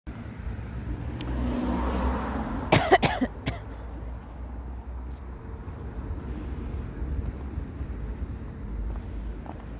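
A brief burst of three harsh coughs over steady engine and road rumble; a plain adult cough.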